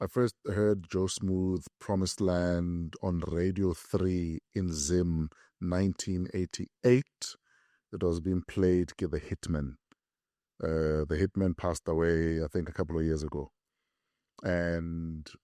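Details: Adult male speaker; ordinary speech.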